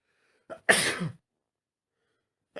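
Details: Male with day one of an autumn cold, working from home: a short indrawn breath, then one forceful sneeze with a hissing spray; sneeze.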